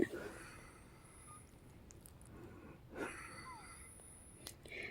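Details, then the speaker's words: Female patient under a pulmonary physician's care, third day of episodes, evening before a breathing treatment: quiet, effortful breaths about every three seconds, judged more like breathing hard than wheezing; labored breathing. "and I think it's more like breathing hard than wheezing but if she continues to have this episode for a few days now like this is like the third days now so we'll call her pulmonary tomorrow"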